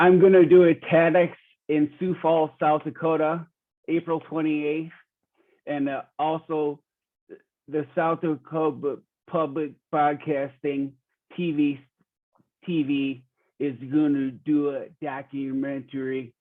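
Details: Real 45-year-old man with rare (under one in a million) primary progressive apraxia of speech; knows the words but they don't come out clearly; speech declining since a previous interview months earlier; primary progressive apraxia of speech.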